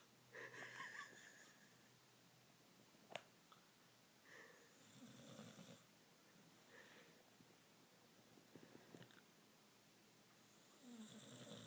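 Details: A dog crashed out asleep on the couch after a long walk makes soft, raspy snoring noises with its breaths, separated by quiet pauses, over faint room noise.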